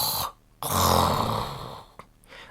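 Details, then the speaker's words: Simulated snore imitated by an adult man: a brief breathy sound, then one loud, rough, rattling breath through the nose and throat, illustrating snoring. "When a person snores, it means that while sleeping, they breathe in and out very loudly. Snoring sounds like this."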